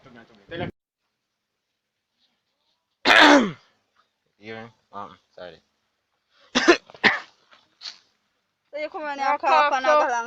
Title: Pretending I've the covid virus. coughing around people (Public Prank) 😂